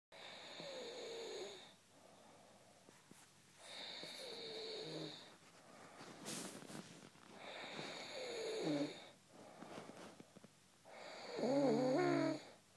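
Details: Snoring during sleep: four slow snoring breaths with a whistling, squeaky tone on each, at about 19 breaths a minute.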